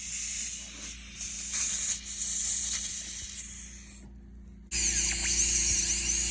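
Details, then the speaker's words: Diamond bur dental drill with water spray cutting through a PFM crown for root canal access on tooth #19 of a live patient: high-pitched hissing whine, briefly pausing, then resuming. "drill through my brush with my diamond and then when I'm when I feel like I'm getting close and I switch to microscope and ultrasound there we go let's switch"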